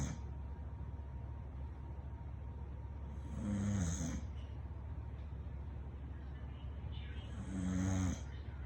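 Two low, fluttering snores about 4 seconds apart over steady background hum; a dog snoring in sleep.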